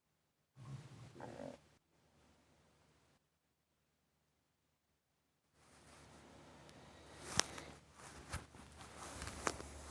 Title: Quiet stomach rumbling new 🎤